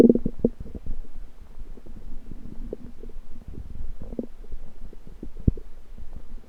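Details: Borborygmi.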